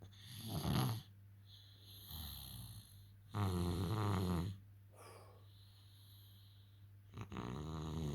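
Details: Deep, rattling snores on each breath in, about three over eight seconds, separated by quieter breathing out; ordinary snoring.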